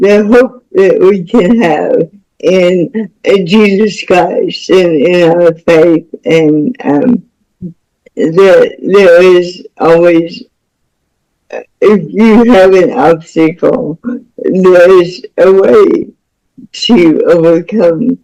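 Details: Woman about to turn 49 with cerebral palsy since birth (umbilical cord around her neck five times; doctors said she would never walk or talk), with spasticity; speech disorder not named; speech in cerebral palsy.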